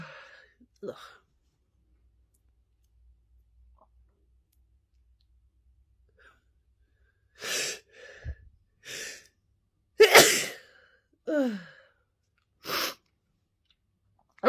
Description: A compilation of sneezing fits